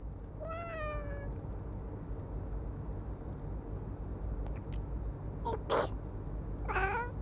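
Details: Person sneezing repeatedly to make a black cat respond: the cat meows, then one sharp, brief human sneeze, quickly followed by another answering meow over steady low room hum.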